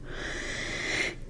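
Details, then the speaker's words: A rasping, whistling noisy breath from a sleeping French Bulldog, a flat-faced dog, snoring through a narrowed upper airway. "Je suis désolée si vous entendez Lilou qui ronfle. C'est un petit bulldog français, donc voilà."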